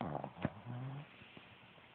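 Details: Shih Tzu dog snoring: a brief, low, rattling, buzzy breath noise that fades into quiet.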